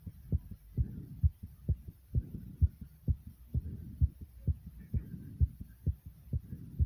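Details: Rapid heartbeat right after 55 jumping jacks: fast, regular, muffled beats at about 130 a minute with soft rustling between beats, a normal response to exertion.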